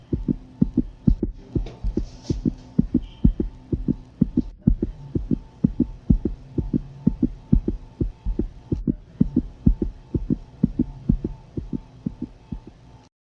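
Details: Dog (canine) pregnancy at a veterinary clinic: rapid, regular whooshing thumps, roughly 200 a minute, a puppy's heartbeat heard in the womb; fetal heartbeat.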